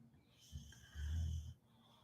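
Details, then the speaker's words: Female pet dog snoring in the background, said to snore every 5 minutes: a brief snort, then one longer, low, rumbling, vibrating breath against quiet room hiss. "You can hear my dog snoring now. She snores every 5 minutes."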